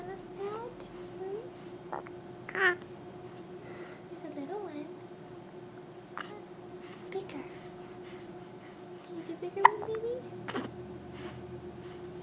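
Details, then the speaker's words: Several short, sharp, irregularly spaced catches in a baby girl's breathing just after her bath, with soft babbling and an adult's quiet voice behind; hiccups. "Oh dear. Those hiccups."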